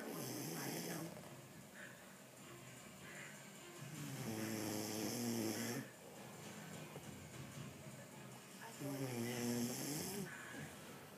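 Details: Two sleepers snoring together, overlapping loud rumbling snores with hissing breaths, about 13 a minute: snoring.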